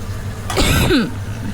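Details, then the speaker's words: An adult woman cooking gives a single harsh, throaty cough during an asthma attack with breathlessness; she says her attacks can be triggered by being startled. "Sesak nafas tadi. Okey. A dia boleh datang tiba-tiba a. Allah. Dia kalau terperanjat, tersentak ke dengan sesuatu ha dia boleh kena."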